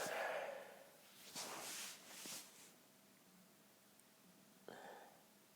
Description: stifling lots of sneezes for those stifle lovers out there. Stifles, half stifles and a failed stifle......